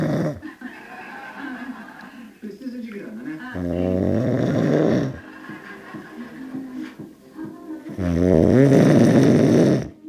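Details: Heavy snoring in the early morning hours: loud, rough, low-pitched snores in long bursts separated by quieter breathing, with faint music in the background.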